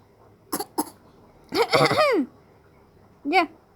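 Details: 7-month-old infant imitating a cough: short voiced coughing bursts and a drawn-out cry-like sound, a normal developmental behaviour.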